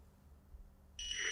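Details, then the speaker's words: Automated external defibrillator in a CPR training demonstration: after pads applied and rhythm analysis, quiet hum then loud high steady warning tone advising shock, stand clear; prompts to press flashing orange button, shock delivered, begin CPR. "clear press the Flash orange button now shock delivered begin CPR now"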